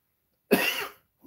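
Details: Single short, dry cough from someone who is sick, with a recently started cough and a runny nose, while talking on a livestream.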